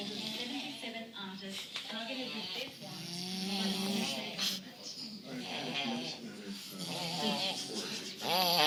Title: Drunken kiwi snoring orchestra